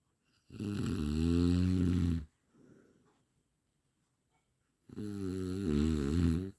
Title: 8 minutes snoring sound| best audio quality